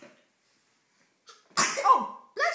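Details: Person sneezes and then giggles: a short in-breath, one sharp explosive sneeze, then a brief voiced sound; a single ordinary sneeze.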